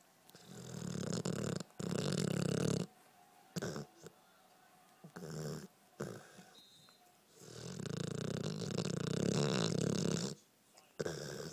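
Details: Loud, rough, rattling snores, several long breaths separated by quiet pauses, from a 1-year-old Pitbull dreaming while asleep; recorded on a phone.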